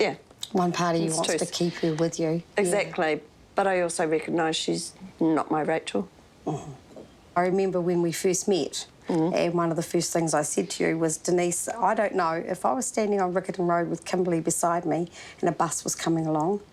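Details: Adult women in conversation; ordinary speech.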